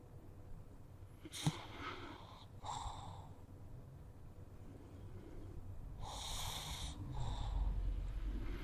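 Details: Sleeping pug resting, usually quiet, gives quiet airy snuffling breaths, then a louder hissing snore near the end; gentle snoring.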